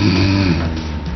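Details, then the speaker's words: A perimenopausal housewife snores in her sleep, filmed by an observation camera. The snoring is loud and sounds like an adult man's, with tossing and rough breathing. Examination found narrowing between the uvula and tongue base: severe snoring. "주부님의 코고는 소리 생각보다 심각했습니다 남자 어른 소리 같아요"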